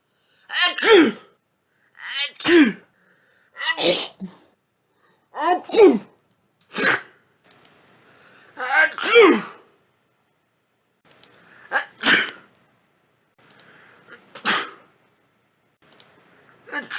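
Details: About ten sneezes in a row, each a short voiced inhale then sharp burst, a second or two apart in a quiet room: repeated sneezing, part of a 50+ sneeze run.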